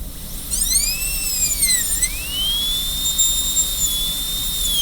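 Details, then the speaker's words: High-pitched high-speed dental drill whine, pitch dipping and rising as the bur cuts over low room hum, during the first gingival extension of a class II disto-occlusal preparation on tooth number 5, in student training. "So drill a hole, cut away from that side, put the burr against this wall, drill a hole, cut away from this side."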